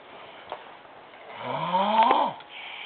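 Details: Woman asleep on a futon snoring loudly: one loud, rising, tonal snore with a whistling edge that ends abruptly, likened to a duck choking; faint music.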